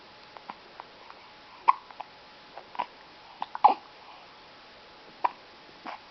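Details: 2-week-old baby girl with hiccups after a feed: repeated soft, abrupt catches in her breathing at irregular intervals over a few seconds.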